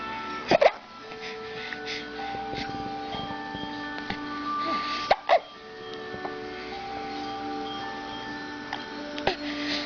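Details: A few short, sharp hiccups over steady background music, with giggles; hiccups.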